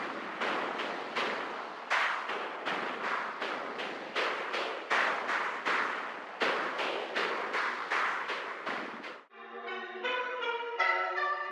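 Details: Cochlear implant simulation of music (8 channels).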